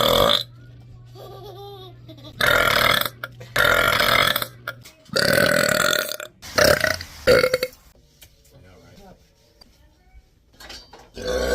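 Several long, loud, rumbling burps, with talk and music in the background.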